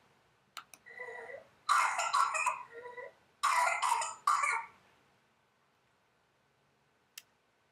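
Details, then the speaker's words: Whooping cough (Bordetella pertussis), paroxysmal stage: runs of rapid, harsh coughs broken by high-pitched crowing in-breaths, the characteristic whoop after a coughing fit. "the proximal cost stage is characterized by the cough the coughing attacks which are followed by the whipping sound and it sounds something like this"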